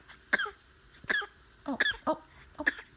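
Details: Five or six short cough-like bursts from a chatty 3-month-old boy, born at 37 weeks, a deliberate fake cough made as playful vocalising rather than illness.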